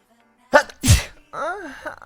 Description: Due to bad nerves at the end of his nose he sounds like he's moaning, but he's not... he's sneezin'😊